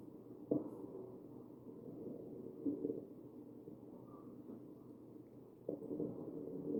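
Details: Wheezing in a real patient on a mechanical ventilator, chest breath sounds.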